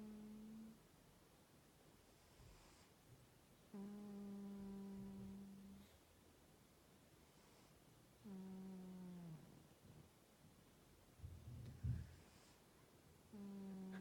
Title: Ginger cat cico snores (funny)